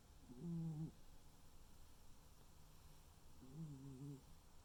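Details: Tuxedo cat snoring while asleep; snoring.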